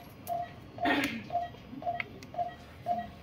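Regular soft clicks from a running infusion pump, repeating about twice a second, with faint room noise.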